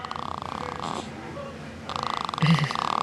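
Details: Sleeping baby snoring, described as growling and revving up: rapid fluttering, rattling breath sounds with a brief low grunt, recorded up close.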